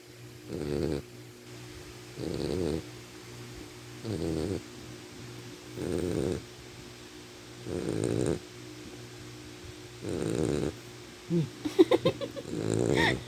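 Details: Sleeping puppy snoring: regular rattling snores about every two seconds, roughly 30 breaths a minute.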